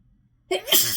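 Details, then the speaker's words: A single loud, hissing sneeze after brief silence, part of a prolonged sneezing fit in someone sneezy all morning in rainy weather, sneezing at work without tissues. "Shoo, this isn't gonna stop. Shoo. Shoo. I don't even want to talk, because every time I try to talk, it just gets worse."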